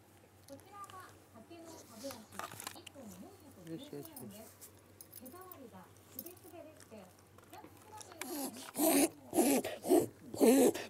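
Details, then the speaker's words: Suspected first reverse-sneezing episode in Koume, a 5-year-old female Shiba Inu: several loud, rapid snorting inhalations in a run. "逆くしゃみだと思うけどこれ。"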